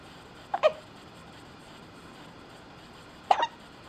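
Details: Calvin with two brief, sharp hiccup sounds about three seconds apart over steady background hiss; hiccups.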